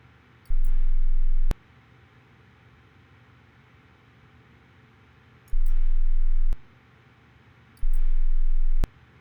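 Three separate low steady test tones, each about a second long, over faint hiss; a simulated hearing test sequence.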